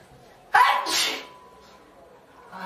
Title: Four girls sneezing